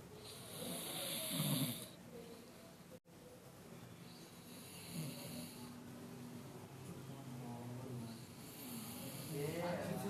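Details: Loud rattling snores on each breath from a sleeping child, with faint talk in the room; ordinary snoring.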